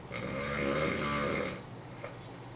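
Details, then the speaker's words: A man asleep on his side in a shared hotel room at a convention gives one long, loud, rattling snore on breathing in, followed by quieter breathing; heavy snoring. "one guy that snores listen to that it sounds painful ain't even make that noise it hurts too much"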